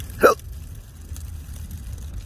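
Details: Adult with intractable hiccups since December 2015, on a new GERD medication regimen, September 2020 after five hiccup-free days; single sharp brief hiccup over quiet background.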